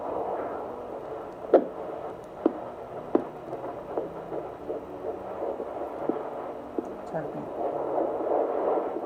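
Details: Fast whooshing fetal heartbeat on a midwife's handheld Doppler held to the belly, first time heard, about 160 beats a minute, said to be normal.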